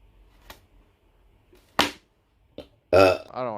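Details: Girl burping in a compilation: short throaty bursts followed by a longer, voiced burp in a quiet room.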